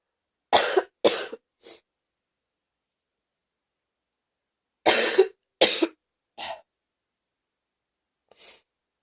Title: # 55 gaggy wet cough